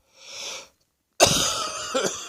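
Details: Close-up recording of own chest: breathy wheezy intake, pause, then two harsh, rattly cough bursts with whistling tones in an uncontrollable wet wheezy coughing fit; wet cough with wheeze.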